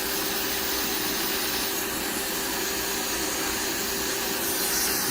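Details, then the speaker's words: Steady hissing, grinding buzz of a rotary tool filing down a man's thick, uneven foot calluses, including the sole, to make them smooth; speed lowered for uncomfortable vibration; repeated sessions are needed. "so i'm just going to grind all of this down to make it smooth and then it's a process i have to see a few more times to really get the handle on these calluses okay so we're just gonna grind all this down"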